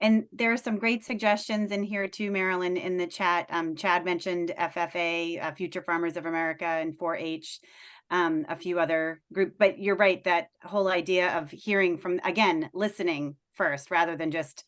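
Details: Adult woman speaking; Normal voice.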